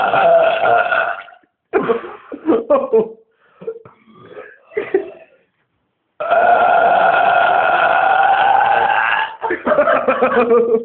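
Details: Man burping after kebab and cola: several long, loud, low belches, the longest about three seconds, with brief pauses between; repeated burping.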